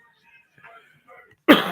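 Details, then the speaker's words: A sick adult with sore lungs and neck, who says he is coughing things up, gives a single harsh, explosive cough after faint quiet sounds. "I'm coughing [ __ ] up yeah I don't feel good"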